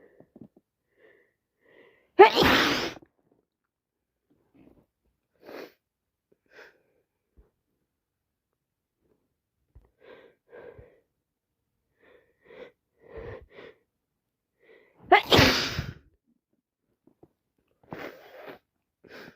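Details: Two loud, wet sneezes about 13 seconds apart with sniffs and breaths between, on day 3 of a common cold caught from a cousin; sneezing constantly, can't stop.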